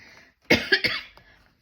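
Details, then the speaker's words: An adult who sounds croaky and has felt chesty on and off for weeks, unsure whether it is a cold or hay fever, gives about three quick, fairly loose coughs in a quiet room: a cough. "I'm sorry as well if I sound a bit croaky. I've got um I'm not sure if I'm coming down with something like a cold."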